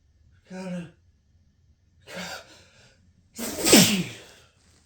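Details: Pepper-induced sneeze: two voiced, gasping build-up breaths, then one loud, forceful sneeze.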